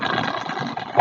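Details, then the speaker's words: Suction machine tested before tracheostomy suctioning by a nursing student: steady whirring, hissing motor noise at low pressure, confirming the suction is working. "test my suction I hear it working okay"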